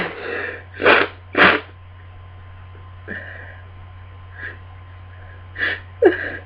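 A run of several sneezes in quick succession with short breaths between them, over a low room hum; a sneezing fit during a cold.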